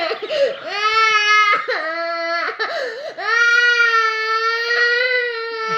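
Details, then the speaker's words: Young child crying after refusing a haircut before Eid: loud wailing in long, sustained sobbing cries with brief catching breaths between them, lasting about a minute. "আর সে না যায় কান্না শুরু করে দিয়েছে।"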